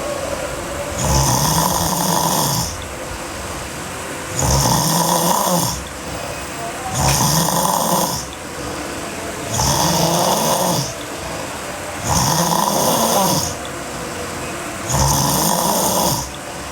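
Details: Sleeping girl snoring hard: heavy, regular snoring with a loud rasping sound on each inhalation, about 22 snores a minute.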